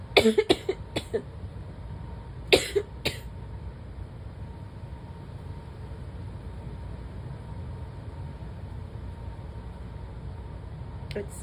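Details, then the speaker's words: Adult in a prolonged bout of sneezing and coughing: bursts of dry coughing, about six coughs in two clusters; a mostly dry irritative cough that the person thinks may turn wet but is unsure. "It's just making me cough. I don't know what that second one was. Oh my god. This is ridiculous."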